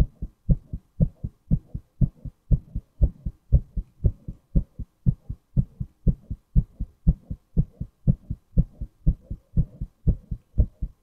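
Regular lub-dub heartbeat, strong and steady, about 60 beats a minute.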